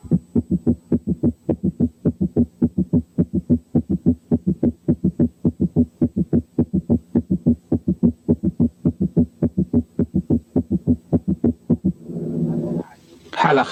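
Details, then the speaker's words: Quiz case 4, heard at the apex with the stethoscope bell: fast, regular heart sounds with an extra low diastolic sound, a gallop rhythm in left ventricular failure. "4 كان جالوب ريزم في حالة ليفت فنتريكولار فيلير."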